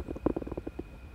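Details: Bowel sounds (borborygmi): a quick series of soft, low gurgling pops from the owner's stomach, heard by a cat on day 84 of 84 of Mutian injection treatment for FIP.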